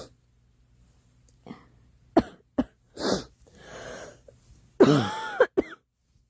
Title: Girl coughing 264